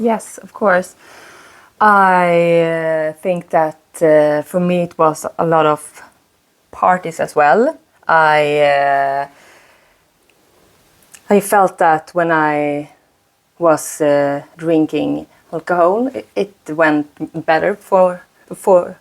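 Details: Woman, 36, who stutters; she says her stutter shows more under stress and she uses a speaking technique; repetitions audible; stuttering.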